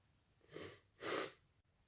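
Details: Sudden late-night sneezing attack, muffled attempts: a soft in-breath followed by a single muffled sneeze in a quiet room.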